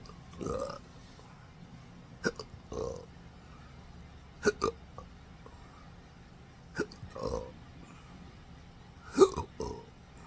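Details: Adult with a rare disabling condition since surgery in December 2015, with pudendal nerve damage and phrenic, vagus and sympathetic nerves triggering involuntary diaphragm contractions: short sharp throat catches and gulping burps every couple of seconds; hiccups with belching.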